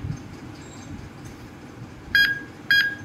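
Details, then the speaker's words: Malaysian AED trainer in a CPR and AED training demo: two short electronic metronome beeps over quiet room noise after a simulated shock, pacing the start of chest compressions with hands stacked mid-chest. "So peserta akan mulakan tekanan dada mengikut rentak yang dihasilkan bunyi ni."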